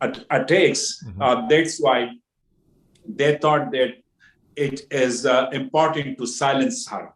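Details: Adult man with stuttering since childhood, worse when nervous; severity varies from day to day.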